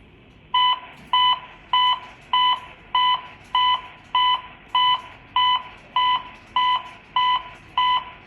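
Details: Simulated scenario on a uDEF T5 AED trainer: after shock delivery and the prompt to continue CPR, regular electronic beeps at about 100 a minute pace the rate of chest compressions.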